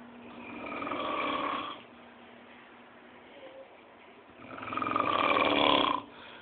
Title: Ronco da Tia